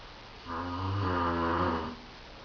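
One long, buzzing, vibrating breath lasting about a second and a half: a snore.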